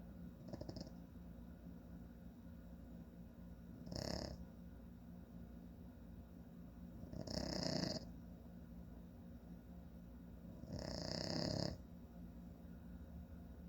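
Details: Adult man (father) snoring: rough, rattling snores on each in-breath about 3.5 seconds apart, roughly 17 breaths a minute, over low room hum.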